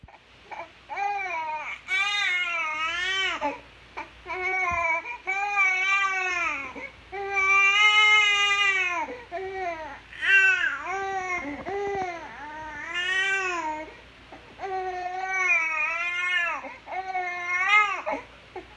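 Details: Loud, rhythmic infant crying with clear tonal wails and short breaths between bursts; an ordinary baby cry.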